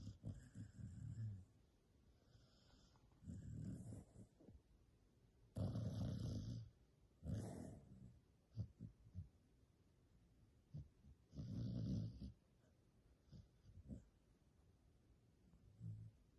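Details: Sleeping, dreaming dog: irregular low rumbling snores with small whimpers and muffled yips between them.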